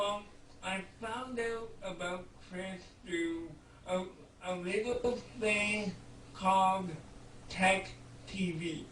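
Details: 32-year-old man with cerebral palsy speaking in conversation; dysarthria due to cerebral palsy.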